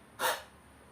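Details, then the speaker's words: A single short, forceful open-mouth huff demonstrated as forced expiration in a deep-breathing and coughing cycle for patients; helps clear mucus from lungs. "the last one is force aspiration this exercise helps to clear up mucus from your lungs"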